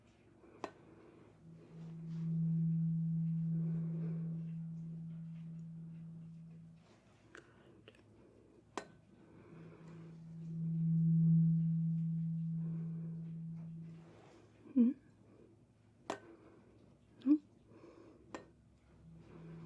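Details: Simulated ASMR roleplay cranial nerve exam (CN8 hearing test): lowest 128 Hz tuning fork struck and held for the listener, noted as the fork people most often fail to hear; 128 Hz tuning fork tone.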